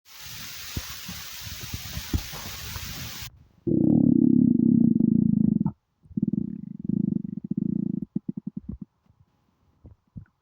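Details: Loud hunger stomach rumbling (borborygmi): a hiss, then long low gurgling rumbles breaking into rapid pulsing; a normal finding on a starving, empty stomach.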